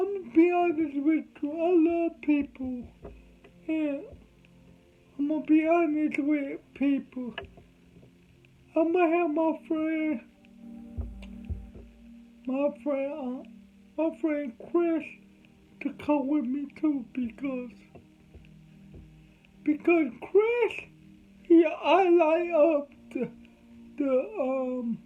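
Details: Adult man with cerebral palsy, whom doctors said would never talk; dysarthria (cerebral palsy).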